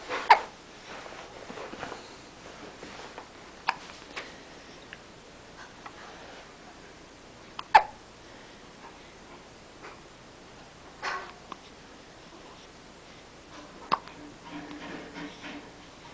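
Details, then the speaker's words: Infant with hiccups: about five short, abrupt hiccups a few seconds apart in a quiet room. "has hiccups hey got any more noises in you"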